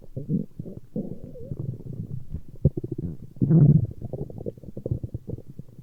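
Low gurgling and rumbling from the belly with bubbling runs and a louder growl; ordinary stomach growling.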